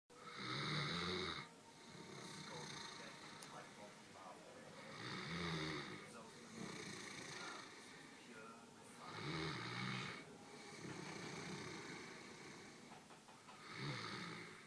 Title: Great Dane snoring